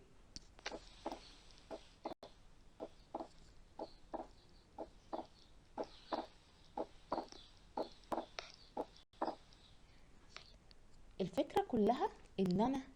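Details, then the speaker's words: Pediatric cardiology auscultation teaching example, played with breathing sounds then filtered: regular paired heart sounds with S2 split in both inspiration and expiration, wide fixed splitting of S2, typical of atrial septal defect. "بس انتوا هنا لاحظتم ان سواء انسبيريشنز او اكسبيريشنز الاس 2 فيكسد سبليتد."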